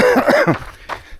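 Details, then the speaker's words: Adult man still recovering after over two weeks of severe flu, with runny nose, while out running: a quick run of about three short voiced coughs, then quieter breathing; lingering cough. "as you can hear I'm still coughing so yeah the situation is not perfect but I also didn't want to miss one more weekend of running especially with this beautiful weather"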